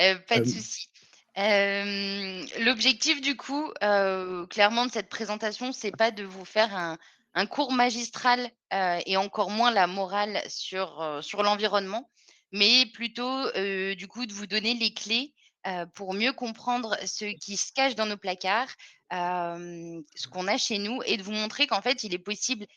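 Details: Adult woman speaking French; Normal voice.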